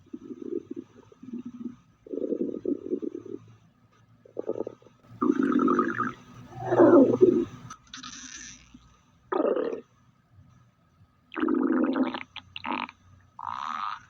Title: Stomach growl✅✅